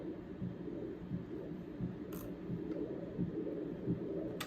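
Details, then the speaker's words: Ultrasound color Doppler of the hepatic artery beside the portal vein during a breath-hold; rhythmic whooshing pulses about 87/min, wall filter noted as not set for arterial flow; normal hepatic arterial flow. "you can hear the artery there. Breathe. So when you're doing your portal veins, I see my Venus flow, but then I also see my wall filters to my wall filter is not correct for the arterial flow, but you can see there's arterial flow faded right back here."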